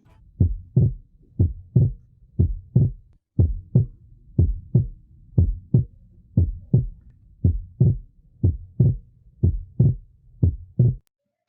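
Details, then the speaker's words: Cardiac auscultation teaching demonstration: regular heart sounds about 60 a minute with second sound split without inspiration, disappearing on deep inspiration, opposite of physiological splitting; paradoxical splitting of the second heart sound. "e justamente quando ele inspira profundamente o desdobramento desaparece vira tuta Tuntum por isso nós chamamos de desdobramento paradoxal"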